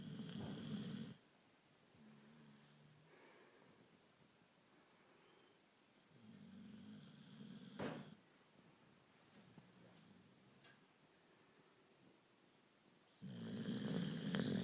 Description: Here is my cute little Jack sleeping on his back and snoring... Enjoy